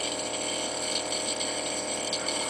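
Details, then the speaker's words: A nebulizer compressor runs with a steady hissing, rattling mechanical hum during an asthma attack, near the end of the treatment as it is shaken for the last of the medication; no speech or breathing clearly heard; nebulizer running. "I'm just coming to the end with using my nebulizer um it's so difficult sometimes s I didn't realize that there was this much left I know you can't hear me so well with the nebulizer"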